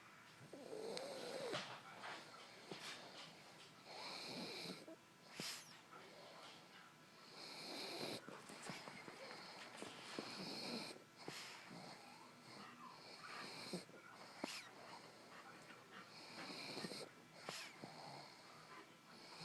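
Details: A sleeping dog: repeated wheezy, snorting breaths in an irregular rhythm, some with a whistling edge; dog snoring.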